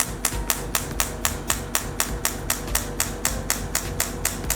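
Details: Radial shockwave therapy (ESWT) handpiece on a T8+ machine, fixed-point treatment of a pain point (about 500–600 shots): sharp even clicks at about four pulses per second over a low hum.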